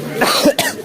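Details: Vlogger coughing at an outdoor picnic after eating: two short, harsh adult cough bursts with faint outdoor background.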